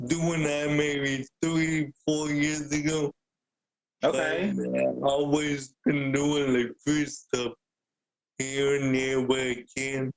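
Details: Adult man born with cerebral palsy, wheelchair user with physical limitations; the host notes speaking is hard for him; dysarthria (cerebral palsy).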